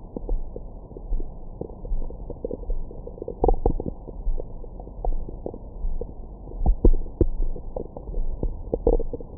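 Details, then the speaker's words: Adult's abdomen recorded with a stethoscope microphone after a big meal: irregular low gurgles, rumbles and pops, active normal bowel sounds. "뱃속 안에는 다양한 생물들이 살고 있어요. 안에 뭔가 화가 잔뜩 나신 아주머니도 계시는 것 같고 막 한 번씩 아 이런 느낌의 사운드도 들어보실 수 있습니다."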